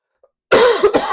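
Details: Single adult cough with a short follow-on burst, sharp onset, noisy airflow, fairly loud, from a congested speaker getting stuffed up during a live stream.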